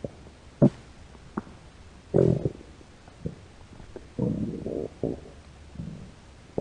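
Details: Hungry American woman's belly in a quiet room: irregular gurgles and rumbles; ordinary stomach growling from hunger (borborygmi).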